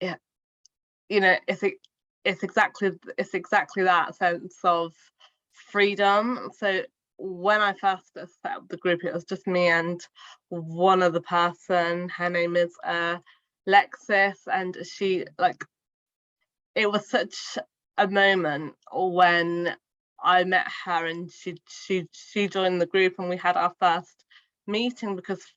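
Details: Adult woman, a primary school teacher who stammers and has had speech therapy since childhood, speaking spontaneously in a real podcast interview; stuttering.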